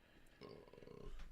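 After a quiet start, a single low, rough, rumbling breath sound comes through, consistent with a snore.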